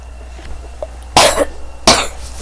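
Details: Two sharp, separate coughs about a second apart over a low steady hum; cough.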